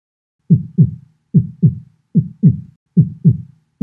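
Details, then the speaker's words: Normal heart sounds (S1 from mitral/tricuspid closure, S2 from aortic/pulmonic closure): regular paired lub-dub at about 73 beats per minute with quiet pauses and no murmur, presented as an audio example. "heart sounds happen as a result of valve closure namely intraventricular valves mitral and tricuspid and this gives us s1 sound and then we have s2 which happens when the aortic and pulmonic valves close so normally we have something like this"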